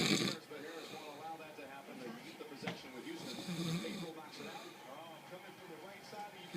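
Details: Adult man (dad) snoring during sleep: rough, rattling snores with an NFL football broadcast on television in the background.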